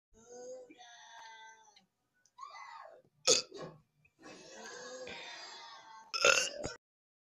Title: Burping While Watching Total Dramarama